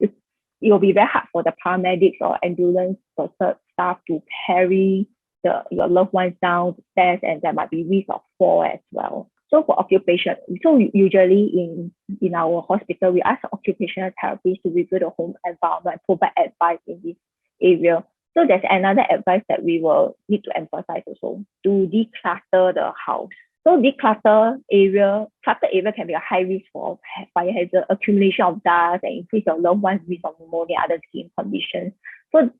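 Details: Adult woman presenter; Typical speech.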